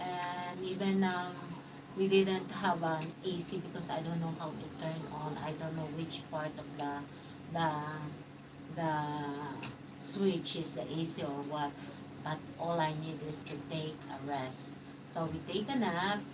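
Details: Adult woman speaking; conversational speech.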